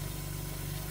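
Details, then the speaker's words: Hospit 400 suction machine used for ear procedures, with its power turned up to about −600 mmHg negative pressure: a steady low motor hum of the suction running at high power. "so we tighten this this is increases the power of the suction so negative pressure"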